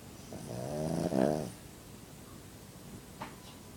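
One snoring breath with a low vibrating rattle on the inhale, then quiet. Snoring.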